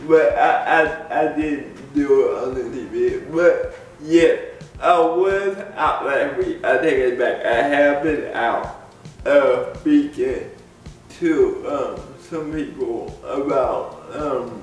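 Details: Dysarthria in an adult man with cerebral palsy; people have laughed at the way he talks since childhood. Cerebral palsy is named, but no speech disorder is formally named.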